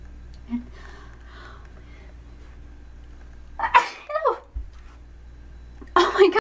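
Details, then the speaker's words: Tired woman getting ready for boxing class: quiet room, then two sharp explosive sneezes a couple of seconds apart. "anyways I was gonna say I don't know how tonight's class is gonna turn out because I'm dead tired and I'm gonna sneeze again holy crap"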